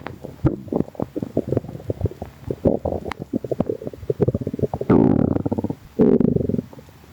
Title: noisy tummy | stomach rumbling